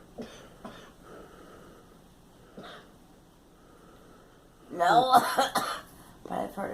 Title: Girl coughing